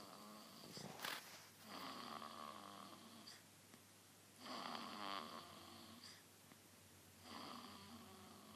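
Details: Sleeping baby snoring: soft, rhythmic snores with a slight whistling edge, about four breaths in eight seconds.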